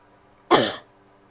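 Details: Female coughing: a single short, sharp cough burst with a brief hoarse tail, in a quiet room.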